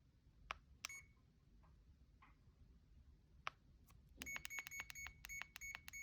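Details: Short high-pitched beeps, isolated then a rapid run, from a CADD infusion pump keypad while modifying the PCA four-hour dose limit (16 mg) before purging and starting the pump.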